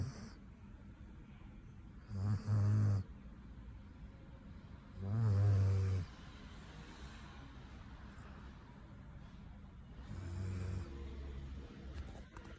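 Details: German Shepherd dog in deep sleep: low rumbling snores in three separate bursts over about twelve seconds, with quiet breathing between; ordinary snoring.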